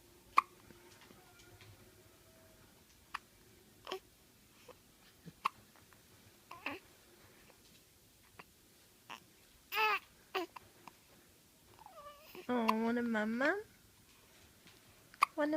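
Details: Short, sharp hiccup sounds recurring every second or two in a quiet room, with baby babbling and a brief fussy cry; infant hiccups.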